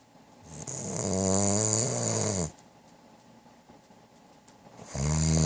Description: My wife has now delt with this for almost 13 years this is the first time she made a video of it. I never thought it was this bad till she made a Video....